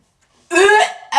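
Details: Sneeze in a prank on a girlfriend: a single short, harsh, voiced throat-clearing or cough-like burst.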